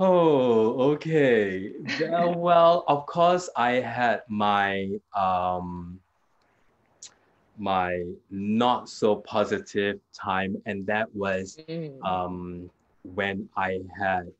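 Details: Aphasia in a man 2 years after a hemorrhagic stroke; initially severe, unable to talk at all in the first week, and still has trouble completing sentences and gets stuck on basic words.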